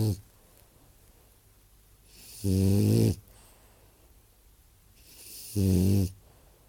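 Two loud, rough, low-pitched snores about three seconds apart with quiet breathing between, a typical snoring pattern.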